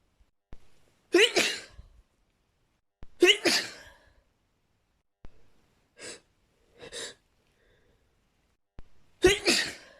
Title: sneezing fit with nose blowing 💘